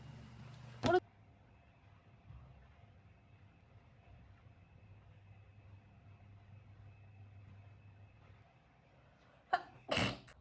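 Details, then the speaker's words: Two sharp, explosive sneezes about nine seconds apart, set off by a self-administered COVID nasal swab test that made her cry, with quiet room noise between: sneezing. "你放进去，我一直狂打喷嚏，我根本就弄不进去，我那搓到哭哎、真的好痛"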